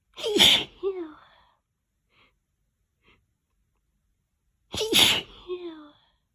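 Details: Two loud, wet, stuck-feeling sneezes about four seconds apart with quiet breaths between; sneezing.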